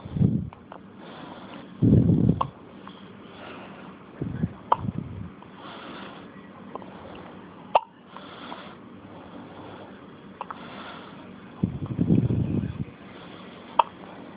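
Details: Baby with hiccups: brief, low, jerky bursts recurring at irregular intervals over faint room noise; hiccups.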